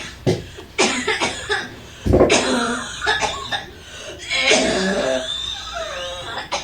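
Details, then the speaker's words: Audio example of whooping cough (pertussis, 100-day cough): repeated harsh coughing bursts in quick runs with gasping breaths between; paroxysmal cough that can leave one breathless or fainting. "कि अगर कोई इंसान इतना खांस रहा हो तो उसको सांस भी नहीं आएगा और वह बेहोश भी हो सकता है। यही होता था वूपिंग कफ में।"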